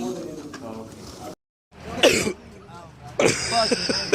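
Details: Voices and music with a couple of sharp, harsh throat-clearing bursts, part of a fake sneeze in a school prank where water is sprayed from the hand onto other students.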